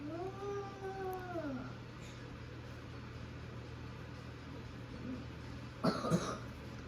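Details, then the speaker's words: A person's son coughing in the background during a recording. "for, you can hear my son there coughing, sorry, I don't know what's wrong with this pen, 4 units left."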